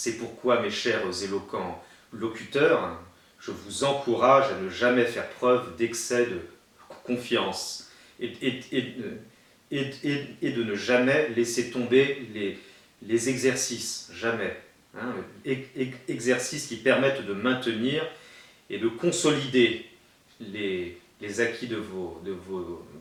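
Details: Stuttering in a French-speaking man who attended a stuttering therapy course in Dijon in 2005, about fifteen years earlier, and still uses some of its techniques; stuttering.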